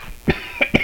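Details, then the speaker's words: Three short, dry coughs from an adult man who is under the weather and COVID-negative; possibly RSV or flu. Dry hacking cough, with no wet or rattling sound. "and coughing up some good nothing it's just a dry hacking cough"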